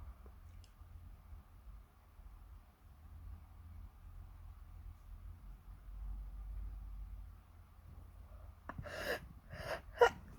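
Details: Normal sneezing: a quick intake of breath, then a few sharp bursts of air over quiet room hum.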